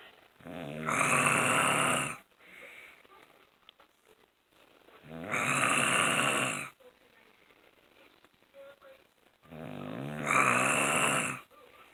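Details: Loud rattling snores on each breath in, about 13 a minute, with quiet breathing out between: an adult man (the recorder's father) snoring, heard all night.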